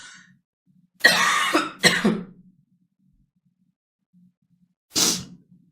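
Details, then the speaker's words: Adult woman with a hoarse voice and a bad cough, interrupting a live stream: two harsh coughs close together, then a third after a pause. "Ai, amoras, hoje, hoje você tem que ter assim, ó, uma paciência de aguentar essa minha voz rouca, de aguentar a minha tosse."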